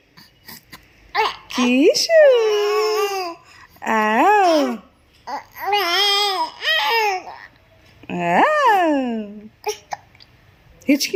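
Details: Baby almost 2 months old: soft, tuneful vowel coos with rising and falling pitch, separated by pauses; typical infant cooing.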